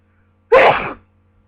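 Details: Sneeze during a prolonged sneezing fit with a cold, with nose blowing; one loud, explosive sneeze lasting about half a second against a quiet background.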